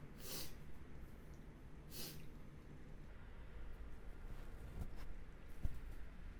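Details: Two quick, hissing bursts of air about two seconds apart over quiet room noise, fitting a pair of soft sneezes.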